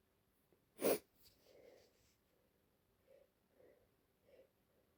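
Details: Female lying in bed feeling unwell, possibly coming down with a cold: one sharp, explosive sneeze followed by quiet sniffing and breathing.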